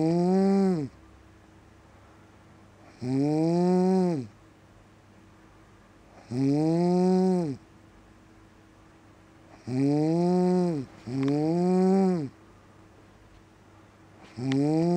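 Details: Very loud buzzing snores with each in-breath, about 18 a minute, some coming close together, with quiet gaps between; snoring.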